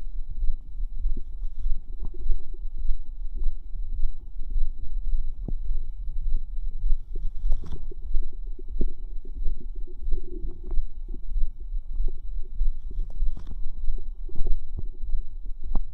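Low rumbling with scattered bubbling clicks, gurgles and fizzing squelches: active bowel sounds from normal gut movement.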